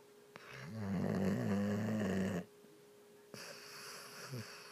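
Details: Sleeping dog snoring like an old man: a loud, deep, rattling snore on a single long breath in, then quiet breathing.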